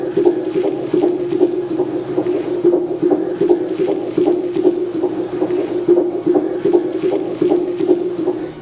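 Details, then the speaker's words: Fetal heartbeat on a Cofoe JDB-100B handheld Doppler with gel on the maternal abdomen: fast, strong, regular whooshing thumps at about 158 per minute, within the stated normal 120–160 range. "区分胎心音、起血流、腹部动脉的声音。胎心音是节奏比较快的有力的咚咚声或者轰轰声。"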